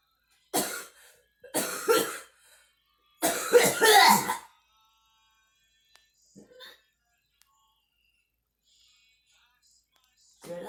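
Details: Acted scene: a girl gives harsh coughing bursts, the third longer and strained like a gag, then quiet and one more cough; cough with gagging.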